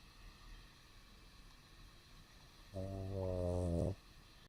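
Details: A dog making a snore-like noise while awake with its eyes open: quiet breathing, then one drawn-out, low, buzzing snore lasting about a second.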